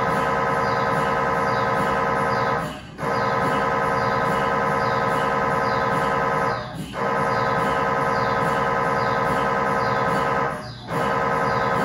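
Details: MRI scanner noise recorded inside the scan room during a test tibia/fibula (lower leg) MRI in a controlled environment, using a GE high-definition lower extremity coil (stated as 16- or 8-channel): loud continuous buzzing drone breaking off briefly about every four seconds.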